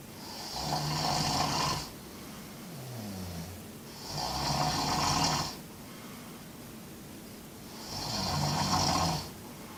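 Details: Loud, rattling snores with each breath, about 16 a minute, with quiet pauses between them, recorded in a pilgrim dormitory on the Camino; typical snoring.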